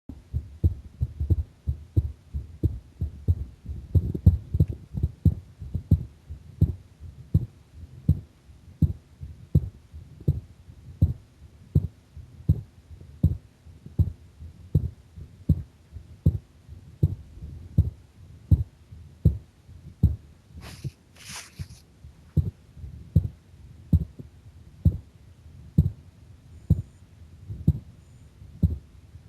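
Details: Heart sounds recorded during a breath-hold under pressure: steady, regular heartbeat thumps at about 80 beats a minute.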